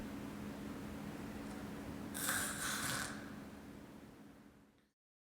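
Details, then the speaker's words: Simulated agonal breathing: a single harsh, snoring gasp in a quiet room with a steady low hum. This is gasping, not true breathing, and signals cardiac arrest. "gasping no agonal breathing is not true breathing do not confuse it with normal breathing the victim is in cardiac arrest"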